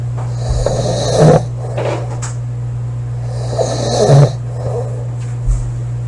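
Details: Loud rattling snoring in a sleeping female, about two snores per six seconds over a steady background hum; heavy snoring.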